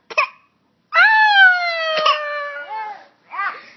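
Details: A baby girl, upset and making a pouty crying face after being told no, gives a short sob, then one long wailing cry that slowly falls in pitch: infant crying.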